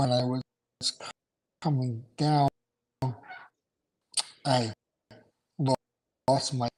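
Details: Adult male stroke survivor with aphasia after two strokes in November 2017; right-sided weakness, unusable right hand without feeling, short-term memory problems, 10 seizures since the stroke; aphasia.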